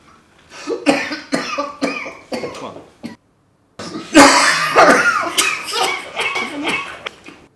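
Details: Coughing mixed with laughter, with a loud cluster of bursts in the second half after a short pause.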